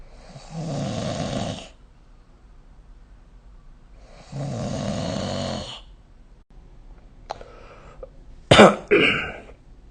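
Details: Snoring during sleep recorded with the SnoreLab phone app: two long rattling inspiratory snores, then a couple of short snorts.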